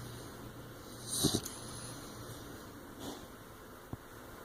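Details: Snoring and snorting from a 15-week-old female blue nose pit bull puppy sleeping with eyes open.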